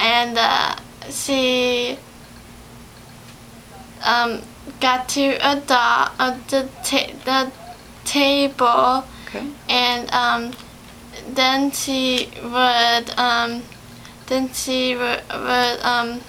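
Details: 17-year-old female in speech therapy in April 2011, about two months after an ischemic/hemorrhagic stroke on February 27, 2011 from a longboarding/snowboarding incident; story retelling with repetitions; aphasia with word-finding difficulty.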